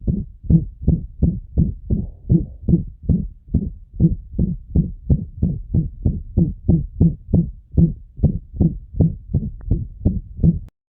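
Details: Dog with mitral valve disease and chordae tendineae rupture: rapid heartbeat, about 170 a minute, with a loud blowing murmur over each beat, heart murmur of mitral regurgitation.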